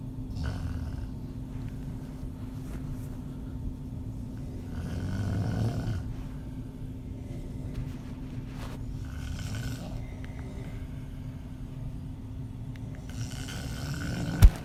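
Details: Adult female snoring with mouth open, audio only: low, steady rumbling breathing with a few louder noisy swells over a constant background hum; open-mouth snoring.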